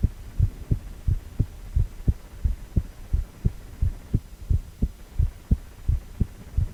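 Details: Regular low whooshing thumps at about 87 beats a minute over a faint hum, heartbeat sound with a 4-chamber cardiac ultrasound view of a male heart; a normal heartbeat.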